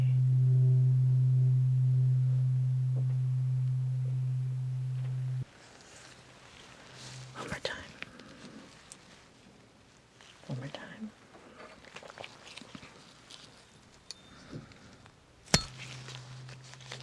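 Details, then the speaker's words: Simulated ASMR role-play ear exam for tinnitus, Weber test with the larger tuning fork: steady low hum from the struck fork fading out, then soft rustling and whispering; heard equally in both ears. "all right let's try the bigger tuning fork"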